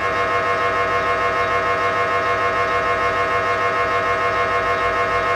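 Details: MRI scanner noise from gradient coils during imaging; patients wear music headphones to muffle it: loud, fast, regular buzzing pulses at about 200 per minute.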